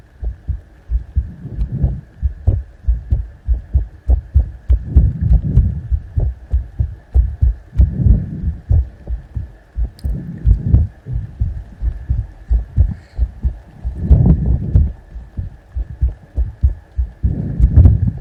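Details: ASMR heart sound: deep, muffled low thumps repeating at roughly 95 a minute over a faint steady hum; a heartbeat.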